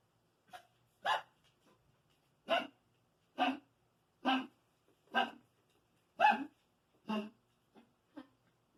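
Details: Dog Candy with dilated cardiomyopathy, after playing with Romeo, gives a series of about ten short, harsh, bark-like DCM coughs.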